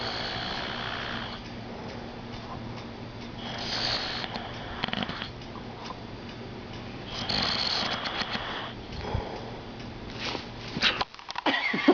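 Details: Grandfather snoring during sleep: soft, noisy snoring breaths over steady room hum, some rustling toward the end.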